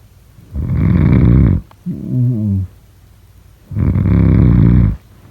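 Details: Snoring sounds during sleep.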